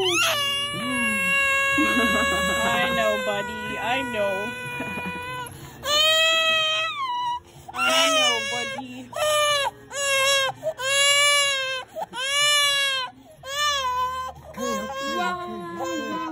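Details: A 4-month-old baby having ears pierced: loud, high-pitched crying in long wailing bursts with brief gasping pauses, a distressed pain cry.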